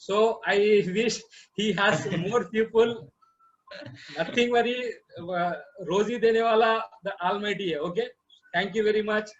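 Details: Adult man who has stammered for 40 years, speaking at the start of an online stammering training course and repeating his name; stuttering.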